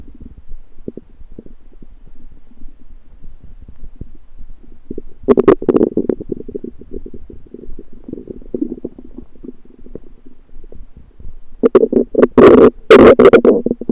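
Low gurgling and bubbling with loud squelching bursts near the middle and end; ordinary stomach rumbling.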